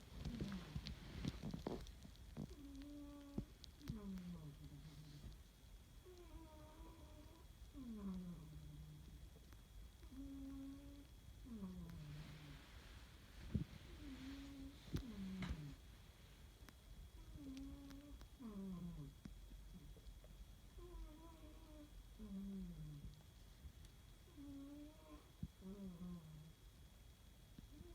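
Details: A sleeping cat snores for about a minute, each breath giving a steady, squeaky, whistling, falling tone; snoring.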